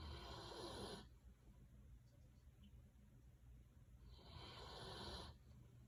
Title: Bernese Mountain Dog Snoring